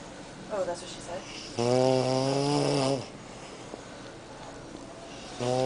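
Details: Man snoring loudly in a Las Vegas room, keeping a companion awake for an hour: deep, rattling snore with a strong tonal buzz on inhalation, plus softer snorts.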